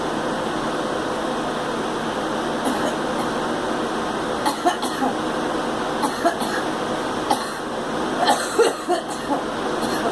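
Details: Girl coughing: several short, soft coughs in clusters over a steady background hum.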